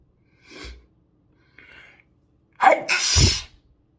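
Short in-breaths build up to one forceful sneeze; an ordinary single sneeze.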